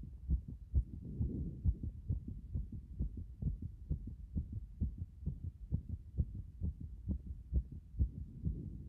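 Pounding, fairly regular thumps at about 130 beats a minute: a fast, forceful heartbeat after a hot bath, normal.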